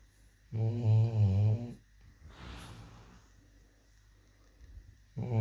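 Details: Deep, rumbling, voiced snore on the in-breath, then a quieter breathy out-breath and a pause before the next snore; ordinary snoring.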